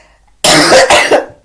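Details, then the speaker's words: Adult woman's short run of harsh, loud, honking cough bursts, described as sounding like a dog barking. She says it is only a little tickle and not that bad: barking cough. "my cough sounds way worse than it is everybody always tells me I sound like a dog barking when I cough and it's really not that bad it's just a little tickle that I get"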